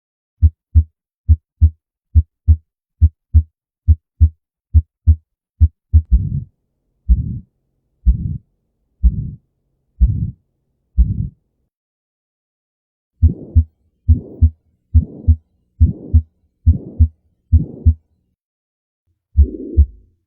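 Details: Abnormal heart sound: regular heartbeat near 70 a minute, with later beats carrying a prolonged whooshing sound.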